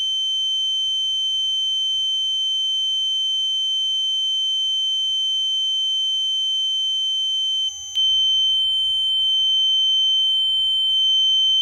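Steady high-pitched pure ringing tone held throughout, with a brief click near the end; a simulation of tinnitus, ringing in the ears.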